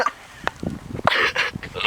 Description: When I start filming there was one sheep sneezing! Not one time or two times, but a lot more !